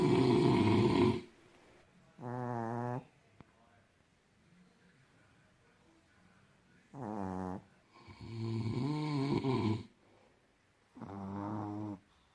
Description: I filmed my father and my chihuahua snoring at night. They don't care about others. Me and my Mom are desperately trying to sleep.